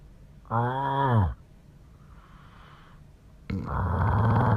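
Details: Man's snoring recorded by his wife at night: a loud, voiced, groaning snore, a quieter airy breath, then another rough, rattling snore; heavy snoring.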